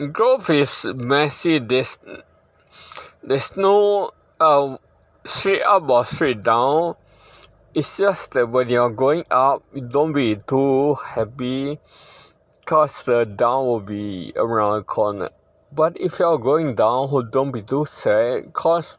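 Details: Ataxic dysarthria in a man living with hereditary ataxia that he says worsens over generations, with a poor prognosis and declining health.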